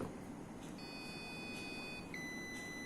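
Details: Steady electronic beep tones over a quiet room hum from a Unitehprom MAS-A1 spirometer, made in Belarus, after the test ends and the mouthpiece is removed, signalling that the reading is ready.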